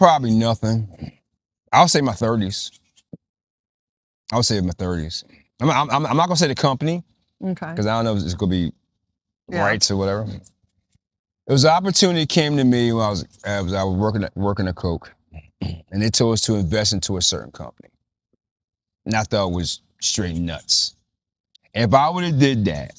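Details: Stuttering in an adult man with a stammer that was severe in childhood and persists now, especially when asking a written-down question; it improved after being taught to slow down and breathe.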